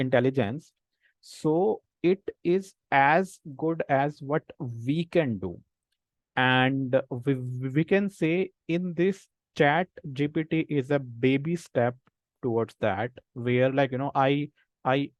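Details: Adult man who stammers, senior volunteer of a self-help association of people who stammer, with audible word repetitions in an online talk; stammering.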